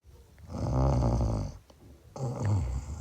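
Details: Two loud, low, rattling snores with a short quiet gap between them; ordinary snoring.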